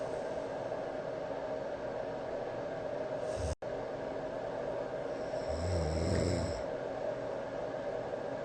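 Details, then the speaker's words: Adult man snoring through the night before treatment, recorded by a sleep app, with white-noise machine hiss behind: one low, rumbling snore. "基本上整个晚上都在打呼啊。"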